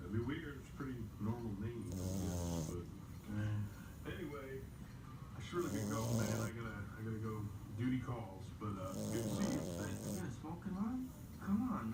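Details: Sleeping merle French Bulldog puppy snoring: noisy, rattling snores with each breath, about 16 per minute, faint background music; snoring.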